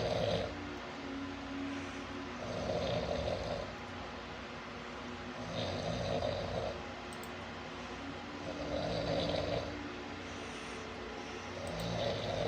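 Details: Rhythmic rattling snores on each breath in, about 24 breaths a minute, from a sleeping adult father; ordinary snoring.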